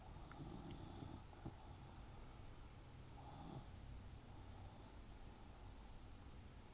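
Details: Son snoring: low rumbling snore with a soft snorting start, then quiet breathing over steady room noise.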